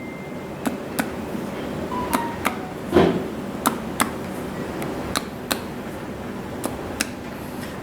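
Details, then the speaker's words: Adult male patient's abdominal exam testing for shifting dullness: percussion from midline toward the right flank stays tympanic with no change in note, indicating no free fluid. "Caranya dari midline kita lakukan perkusi menuju flank area kanan. Normalnya tidak terjadi perubahan suara timpani tersebut. Artinya tidak terdapat cairan bebas."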